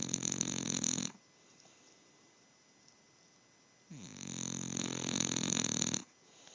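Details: Two loud, rough, buzzing "sonic boom" snores with a quiet pause between them; snoring.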